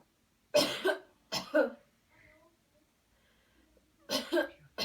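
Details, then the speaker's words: Voluntary cough on request during a cleansing-healing coughing technique demo: after paced deep breaths, three forceful deliberate coughs, some double bursts, with breathing between. "okay here we go one two three breathe in deep deep deep cough"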